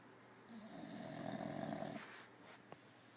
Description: Leidy the bulldog on her new corda-Roy bean bag bed snoring like a baby